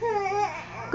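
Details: Brief, whiny fussing cry from a baby sitting in an exersaucer while watching Barney, frustrated at reaching for a giraffe toy; ordinary infant fussing.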